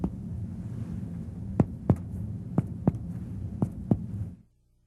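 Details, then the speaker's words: Chest percussion with the patient supine and the upper body raised about 30 degrees, tapping from the far left chest toward the left cardiac border in the 3rd–6th interspaces; sharp taps over a hum show normal resonance laterally and cardiac dullness medially. "Starting on the far left of the chest, percuss toward the left border of cardiac dullness in the third, fourth, fifth, and possibly sixth interspaces. Normally, percussion reveals pulmonary resonance laterally and cardiac dullness medially."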